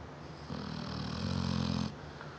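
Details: 7-year-old female Neapolitan Mastiff snoring while sleeping, loud enough to be heard through the whole house: a loud, low, rattling snore with one long breath drawn in and a deep buzzing vibration.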